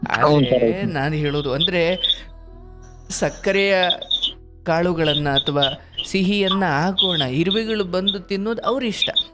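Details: Adult male speaker; Typical speech.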